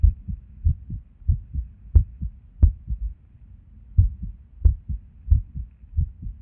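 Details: Irregular resting heartbeat with skipped beats, recorded at Erb's point while sitting at a desk; low thudding beats roughly 90 a minute with uneven spacing and occasional louder beats.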